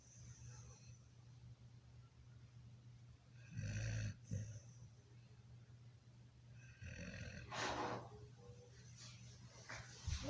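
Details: Sleeping dog snoring: low, rattling snores with a snort and some soft whistling on the breath, over a steady low hum.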